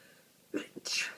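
A single sharp, hissing sneeze from a cat after a short inward breath, in a quiet room.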